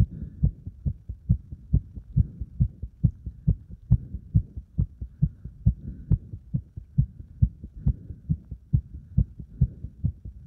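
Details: Heart sounds recorded after burpees followed by deep squats to exhaustion; rapid heartbeat after exercise.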